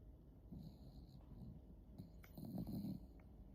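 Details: Sleeping dog: low rumbling snores in two bursts in a quiet room: snoring.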